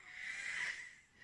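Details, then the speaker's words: An adult with long-standing breathing trouble, chest easing but still wheezing a bit: a single breathy, whistling breath with a faint high-pitched musical tone, mild wheezing. "So I'm still wheezing a bit, but my chest doesn't feel as heavy, doesn't feel as tight."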